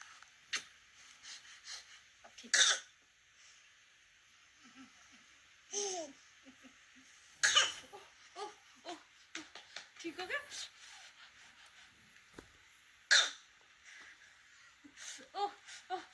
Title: Look at this Actor Baby and his pretending cough to see Mamaa's reaction